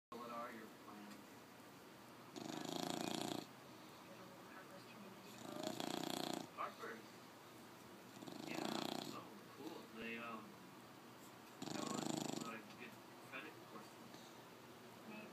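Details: A bulldog snoring loudly, with harsh, rattling snores about every three seconds and a noisy fluttering breath between each; snoring.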